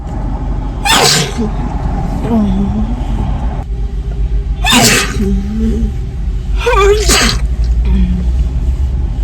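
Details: Young woman sneezing in a car in a drive-through line after the gym: three sharp, explosive sneezes, each followed by a short vocal sound, over engine rumble; sneezing.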